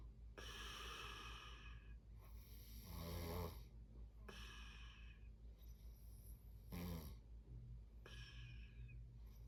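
Rough rattling snores on breathing in, alternating with hissy breaths out, about 17 breaths a minute, typical snoring in sleep.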